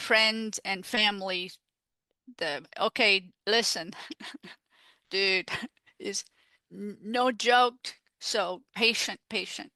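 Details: Female stroke survivor living with post-stroke aphasia, a real patient speaking in an interview; aphasia.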